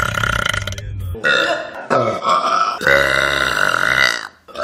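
Several loud, long, rumbling belches in a row, with brief pauses between them: repeated burping.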